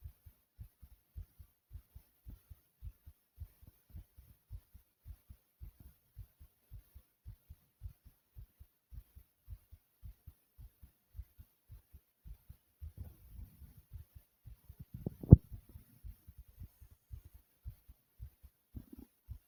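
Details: Fast, regular heart thumps at roughly 110 beats a minute with heavy breathing after 40 jumping jacks and an unexpected choking episode; racing heart after exertion, person reports being okay.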